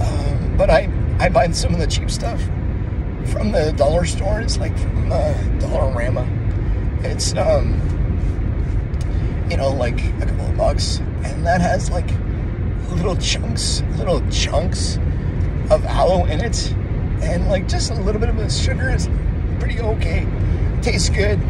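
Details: Adult man with a voice disorder he calls muscle tension dysphonia (labelled spasmodic dysphonia), with tightening on speaking that worsens with stress, sore throat from tense talking, dryness and some mucus or congestion; spasmodic dysphonia / muscle tension dysphonia.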